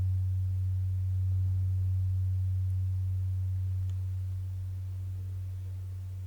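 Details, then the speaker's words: Role-played ASMR hearing test, not a real exam: a struck tuning fork placed on the bone behind the ear gives a steady low pure hum, slowly fading until the listener no longer hears it. "I will put the tuning fork right behind your ear on the bone. Mhm. Yep. and you will simply relax and let me know when it stops when you don't hear don't feel this sound anymore."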